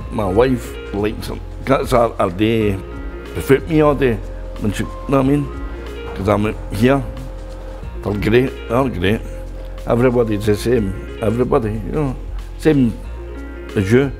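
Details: Adult man speaking; aphasia after stroke.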